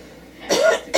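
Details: Acted scene: a single harsh cough burst from an adult with a brief second onset; simulated cough.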